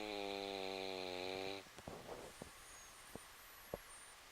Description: My beagle Vina Velveeta snoring.